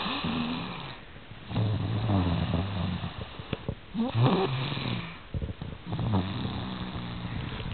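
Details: Low rattling snores repeating roughly 30 times a minute, somewhat irregular, with faint room noise; snoring.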